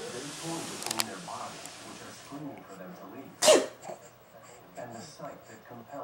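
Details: Child deliberately fake sneezing: one sudden, sharp sneeze burst against faint background talk; a single simulated sneeze.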